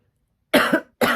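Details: Dry cough.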